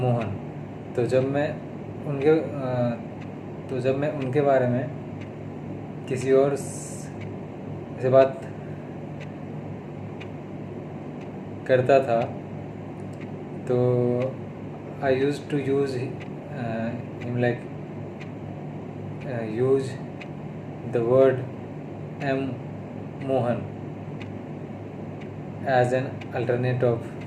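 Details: Adult man with stuttering (stammering), recorded on day 32 of speech therapy, speaking Hindi mixed with English.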